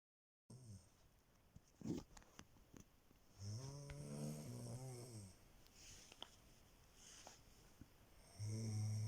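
Low, rumbling snores with a throaty buzz on the in-breath, separated by quiet breathing; ordinary snoring.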